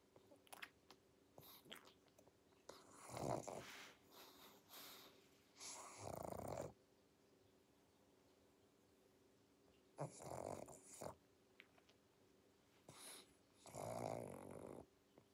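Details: Irregular snorting, rattling breaths with pauses from Pangpang, a sleeping pug (flat-faced dog), noisy snoring through a narrowed upper airway; snoring.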